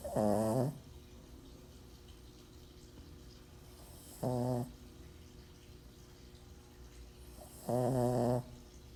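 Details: Pug dog snoring: three rattling, buzzy snores on the breath, about every four seconds, with quiet between them and a steady low room hum.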